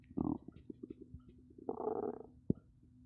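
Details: Two rumbling, gurgling stomach growls with soft bubbling between them (captioned with "coffee"); ordinary bowel sounds, borborygmi.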